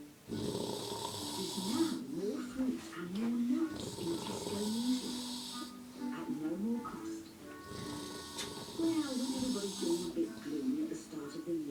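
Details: Old man filmed around 7:40pm: snoring breaths heard under television music and talk; snoring.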